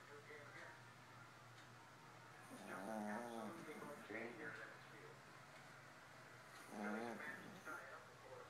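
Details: Yorkshire terrier snoring in its sleep: two drawn-out, buzzy, rattling breaths about four seconds apart over quiet room noise.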